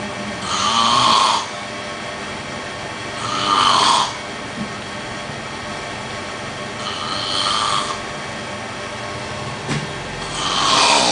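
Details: A man asleep in a massage parlor in Patong snoring: four rough, noisy snores about three seconds apart, roughly 20 breaths a minute, over a steady background hum; ordinary snoring.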